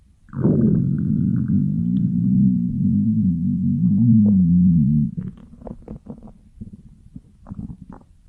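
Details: Stomach growling (borborygmi): a long, low, wavering gurgling growl lasting several seconds, followed by softer bubbling clicks and squelches.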